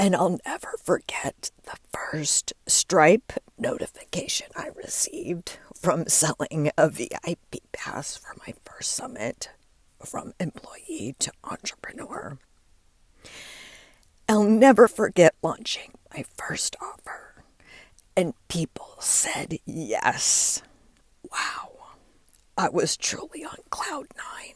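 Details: Spasmodic dysphonia in an adult woman, diagnosed after her voice started to go; she links its onset to stress and says it is still audible as she keeps working through it.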